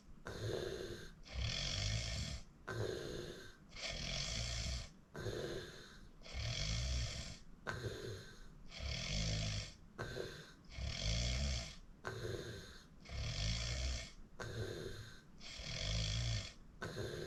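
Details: Self-recorded loud, rattling snores on each breath in a steady rhythm, with quieter breathing between: habitual snoring during sleep.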